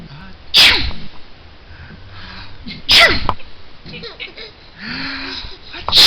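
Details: Two sharp, explosive sneezes, followed by an infant boy's babbling and laughter; sneezing.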